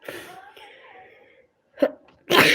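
Two sharp, explosive sneeze bursts after a stretch of quiet voice-like sound, in keeping with allergic sneezing.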